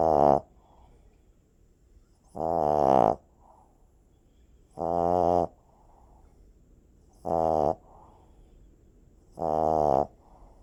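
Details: Snoring puppy: loud, strongly tonal, buzzing snores about 26 per minute, each a steady vibrating drone with quiet pauses between; snoring like a freight train.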